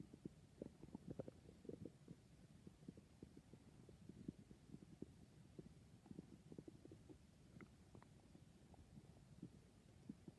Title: My stomach is noises